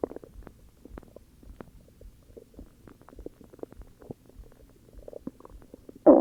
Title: More stomach growls UwU